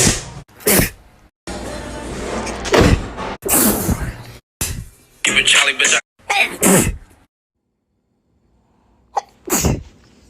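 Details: A run of explosive sneezes with quick breaths between them and music in the background; sneezing.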